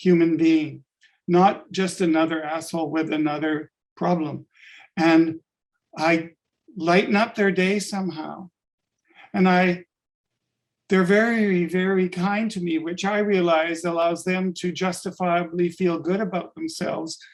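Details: Adult man with late-onset stuttering from functional neurological disorder; five years ago woke unable to speak with up to 20 seizures daily; speech regained but not fluency; adult-onset stuttering.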